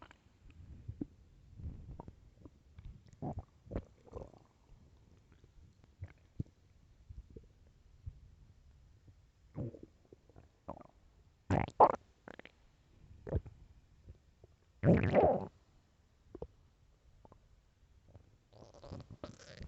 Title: LOUD stomach growls (headphones 🎧)